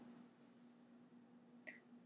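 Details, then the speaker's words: Simulated hiccup in a comedy sketch: a single sharp, squeaky gulp over a steady room hum, an acted hiccup. "oh i think honey i've never heard you with the hiccups oh that's kind of the strain on the heart are you okay honey"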